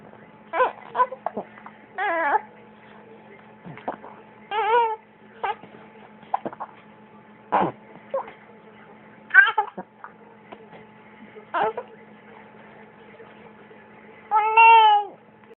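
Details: Infant with hiccups crying: short, broken whimpers and fussy cries with gaps between them, ending in a longer wail.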